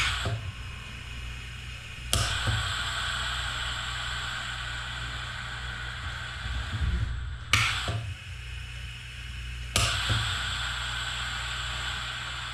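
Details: Concept open-source COVID-19 ventilator built from industrial solenoid valves, a compressed air source and a painter-style face mask: sharp valve clicks every few seconds over a steady hiss of flowing air as it cycles breaths.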